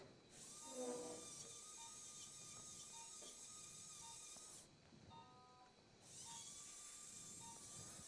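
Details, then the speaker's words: Biportal endoscopic (UBE) L4-5 spine surgery: a diamond burr drill gives two bursts of high-pitched hissing whine with a short pause between them while drilling the upper part of the facet joint. "So be aware whenever you use a diamond drill there's a chance you may injure the"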